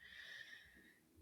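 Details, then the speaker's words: A dog in deep sleep snoring quietly in the background of a conversation, heard as a faint, steady whistling breath: snoring. "Sorry if you can hear my dog snoring. You totally can. He's so Yeah, cute. I'm so sorry, guys. He's deep in sleep, and if I wake him up, he's gonna want to sit on my lap."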